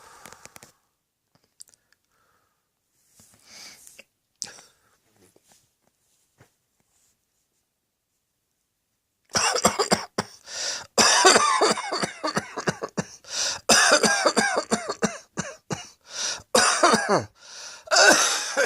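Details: Adult coughing fit: scattered soft sounds, then a long run of rapid, forceful, harsh coughs.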